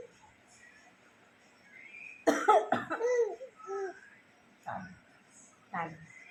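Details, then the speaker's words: Grandmother coughing while a small child laughs and chants in Telugu about the cough; a cough. "దగ్గు వచ్చింది, దగ్గు వచ్చేసింది, గట్టిగా దగ్గు వచ్చేసింది, దగ్గు వచ్చేసింది, నీకు దగ్గొచ్చింది, నాకు నవ్వొచ్చింది."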